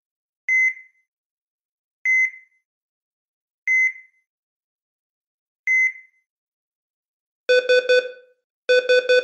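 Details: Copyright-free sound effect of a simulated ECG heart monitor beeping slowly, about 38 per minute, followed by repeated triple-tone alarm bursts.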